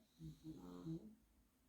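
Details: A dog snores with low, rumbling, buzzy breath sounds over about one breath cycle.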